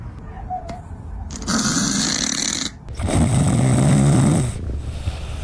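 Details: Sleeping cat gives two long, rattling, deep, human-like inhaled snores with quiet breathing between them: snoring.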